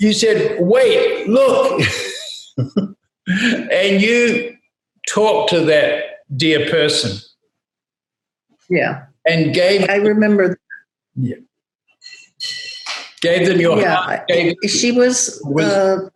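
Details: Adult speakers in conversation; ordinary speech.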